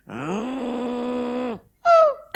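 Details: An adult performs a comic vocal imitation of a husband snoring: a long drawn-out groan, then a short falling 'hau' sound; not real snoring.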